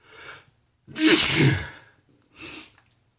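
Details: A single typical sneeze: short in-breath, loud explosive sneeze, then a softer after-breath, from a person sneezy all morning who is unsure whether it is spring allergies or a cold.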